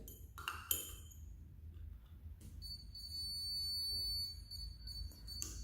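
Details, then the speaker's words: Woodpecker Endomatic cordless endo motor with apex locator, demonstrated on a simulator: electronic beeps as the file advances down the root canal, then a continuous high alarm tone when the file tip reaches the apical foramen; apex locator signal. "When foul reach optical form the device will give out a continuously alen like this."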